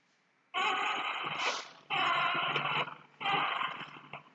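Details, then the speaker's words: Newborn with respiratory distress makes three voiced moaning grunts, each ending a breath, at roughly 45 a minute, from airway closure (auto-PEEP): expiratory grunting, shown in a neonatal resuscitation teaching session. "Listo. Como ustedes pudieron observar, el sonido es bastante característico en realidad. Cuando la vía aérea, como les mencioné previamente, se cierra, produce este sonidito bastante peculiar que es lo que nosotros denominamos como el auto-PEP."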